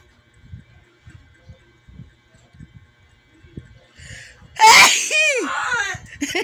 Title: big sneezes Philippines 🇵🇭 ❤️